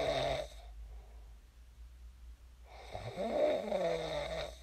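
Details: Real recording of a person snoring in their sleep, shared as snoring ASMR: a quiet stretch, then one loud, rough, buzzing inspiratory snore lasting nearly two seconds.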